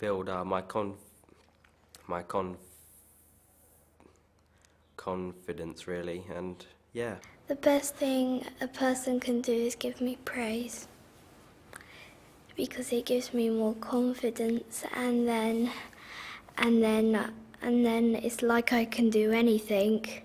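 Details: Child who stammers; stammering is described as getting stuck and unable to say a word, with tense struggle, and as worse when rushed; stammering (stuttering).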